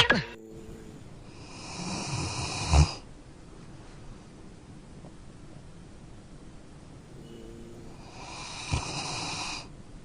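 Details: Two soft, hissing snoring breaths about six seconds apart, each with a brief snort, in a quiet room; snoring.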